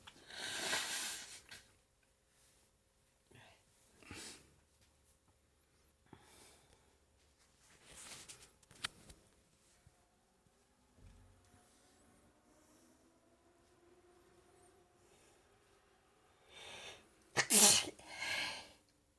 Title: Prolonged sneezing fit after waking up